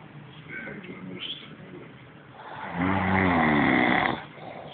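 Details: Loud snoring from a man sleeping on a couch: a quieter breath followed by a single loud, rattling snore.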